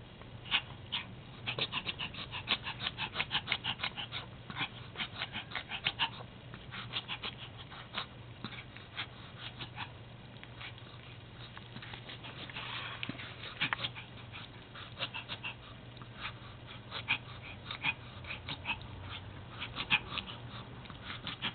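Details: Pomapoo dog with recurring attacks of wheezing and odd breathing that come and go, not relieved by vet medication: rapid, repeated snorting inhalations in bursts; reverse sneezing.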